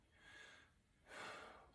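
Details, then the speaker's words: Male patient, stethoscope diaphragm, one deep breath in and out, smooth and airy, no wheeze or crackle; bronchovesicular upper chest, vesicular over lung fields, lungs clear and equal bilaterally; normal deep breathing. "his lungs are clear and equal to auscultation bilaterally there's no wheezing rails wrong time or any other invitation"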